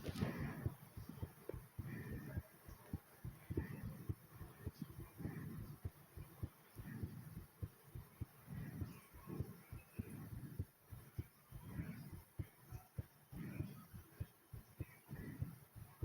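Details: Fast heartbeat after doing 25 squats: rapid, closely spaced heart thumps with loud, quick breathing swelling over them.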